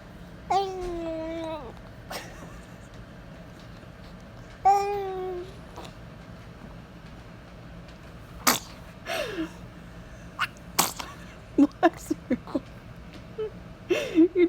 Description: Baby fights a sneeze and he fights it hard.